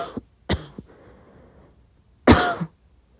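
A few short, soft coughs in a quiet room, then one fuller cough with a throaty rasp.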